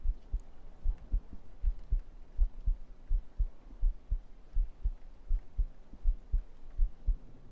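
Steady low thumps at about 81 a minute with a soft background hum; a regular heartbeat.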